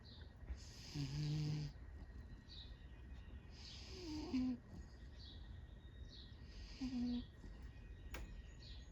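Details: A sleeping male cat snoring: loud rhythmic snores with a rattling, slightly whistling pitch, about 22 a minute.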